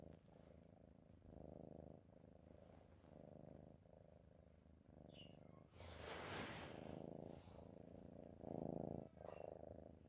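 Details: A sleeping cat snores with rhythmic, low, buzzing rattles that rise and fall with each breath in and out.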